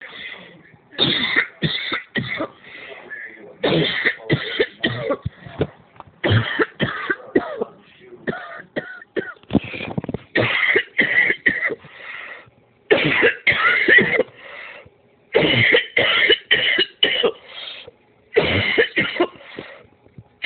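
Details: Repeated runs of forceful coughs with brief pauses between them, a sustained coughing fit that left the cougher with a headache.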